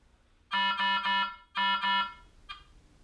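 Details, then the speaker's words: Loud tonal alarm in two bursts of three and two beeps, then a fainter final tone: Aquadex SmartFlow system speaker alarm test at startup. "the system will prompt the user to sound the speaker alarm in order to determine that it's working properly press accept to sound the speaker"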